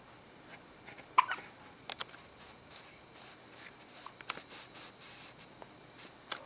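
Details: Infant's first hiccups: about five soft, sharp little catches in a few seconds over quiet room noise; hiccups.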